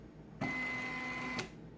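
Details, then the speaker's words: Homemade artificial respiration machine with adjustable flow and volume, set to maximum flow: a one-second mechanical whir with steady tone, then quiet, as it delivers one breath. "Ici, je le mets au minimum. Regardez. Donc, voilà. Là, je vais le mettre au maximum."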